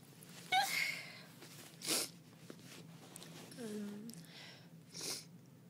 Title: Stream of Consciousness 365: Day 42: Sneeze into a Daze